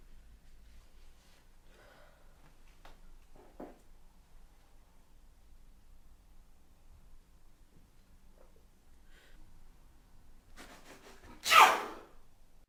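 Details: Single loud, sharp sneeze burst near the end after a quiet room with faint breathing and small sounds, from a student film movement project; sneeze.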